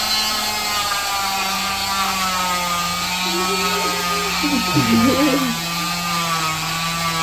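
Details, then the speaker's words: Steady high whirring of an oscillating cast saw removing a child's cast, which only vibrates and warms rather than cuts skin, with a brief child's voice in the background. "Vibration lumayo lumalayo ka doun sa kalalayo nag-vibrate lang siya"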